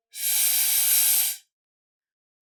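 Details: Polish /s/ produced while saying syllables through a straw, air directed correctly through the middle of the tongue; correct /s/ sibilant.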